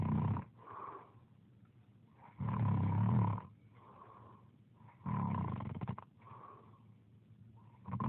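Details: Person snoring: loud, rough, low snores on each breath in, about 23 breaths a minute, with quieter breaths out between them. Ordinary snoring.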